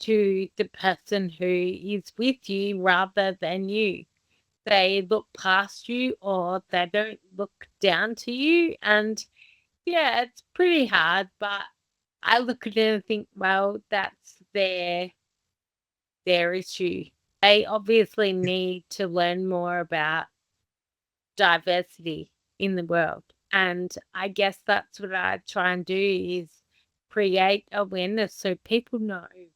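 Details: Adult woman with Friedreich's ataxia, a rare inherited progressive condition damaging nerves and muscles, diagnosed at 17, with unsteady walking and self-reported slow speech; ataxic dysarthria.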